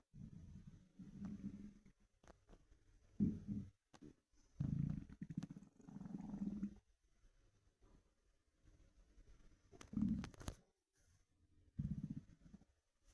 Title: Empty stomach rumbling through my tee shirt